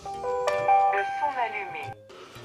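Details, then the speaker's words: Start-up chime of a talking wrist blood pressure monitor at first power-on, after pressing the right-side button: a short, bright electronic melody. "or pour le premier allumage vous allez appuyer donc sur le bouton côté droit une petite musique va se faire entendre"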